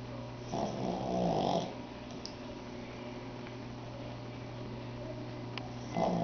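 A rough, rattling breath sound followed by a quiet pause, then another starts: snoring in a small flat-faced dog.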